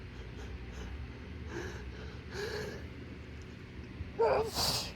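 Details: Morning allergy attack after a plume of pollen from a trash-can lid: quick indrawn breaths, then two forceful sneezes close together within a long, shuddering sneezing fit.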